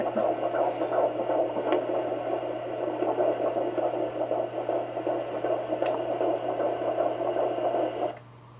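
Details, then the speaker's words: Home Doppler, moving fetus hard to locate: fast whooshing pulse roughly 150–160 per minute, earlier read as 155, rising to 160s when active; fetal heartbeat on Doppler. "there it is our little baby yep must be on the move cuz it changed pretty quick there yeah I have to keep fishing around for it"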